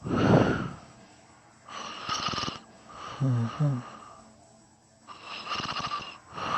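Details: Person snoring while sleep talking: irregular noisy breaths, some rough and vibrating, with brief voiced mumbling between them; snoring.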